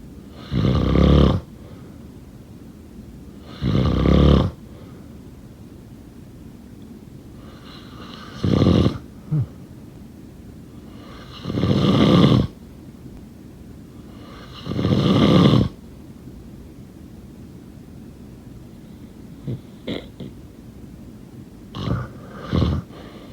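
Five loud, rattling snores about every three to four seconds, with quiet pauses and a few soft snorts after.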